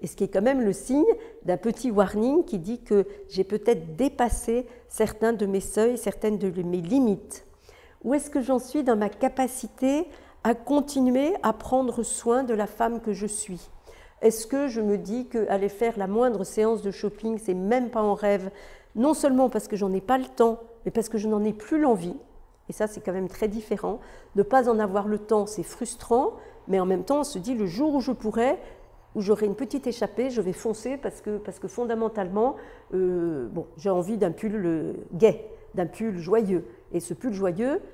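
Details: Adult woman; typical speech.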